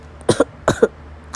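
Two quick double coughs from an adult woman, acted in a roleplay, with faint room hum.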